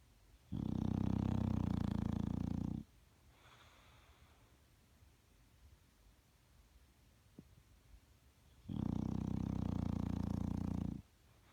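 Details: Two loud, rattling inspiratory snores from a bulldog, each about two seconds long, with quieter breathing between them, at roughly seven breaths a minute.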